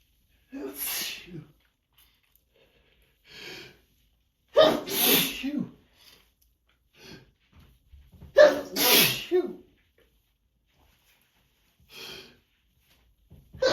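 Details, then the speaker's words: Allergic sneezing fit: four forceful sneezes, two with sharp inhalations before the burst, with quieter sniffs between; a tired sneezer during seasonal allergies, sneezing into tissues in the morning. "These allergies. Been giving me a rough time this year. It's gonna be another long day."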